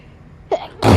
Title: Hayfever sneezes bless me